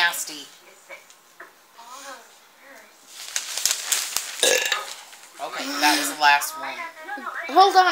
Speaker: I think I still have air in my belly. might not be the last one.